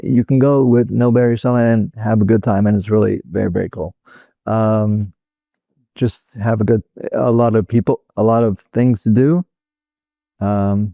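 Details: Real adult male stroke survivor with Broca's aphasia, which resulted from a stroke in 2007; Broca's aphasia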